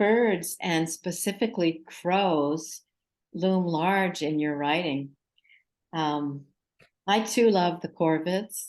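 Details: Adult woman speaking; normal speech.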